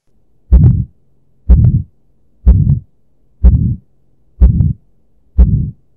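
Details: A sound-enhanced teaching recording with a regular heartbeat at about 62 a minute, each beat followed by a harsh rising-falling systolic murmur: aortic stenosis murmur.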